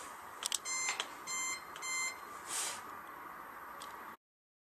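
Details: Several short high-pitched beeps with a few clicks over steady background hiss from the COZING-T03 portable 650 nm cold-laser pain-relief device, signalling during use.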